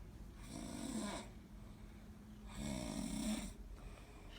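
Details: Two rough, rattling snores about two seconds apart over a quiet room hum; snoring.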